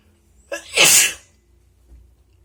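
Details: Wet spray sneeze: a single forceful, wet-sounding sneeze after a sharp indrawn breath in a quiet room; the recording also includes nose blows and some coughing.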